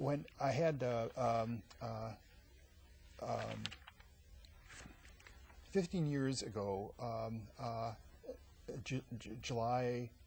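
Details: Adult man with aphasia after a massive stroke 15 years earlier at age 39; eight years of twice-weekly speech therapy until a plateau; aphasia.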